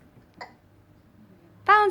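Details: One brief, sharp hiccup-like catch followed by a short voiced sound, from a baby being bounced; parent says the baby has hiccups; infant hiccup.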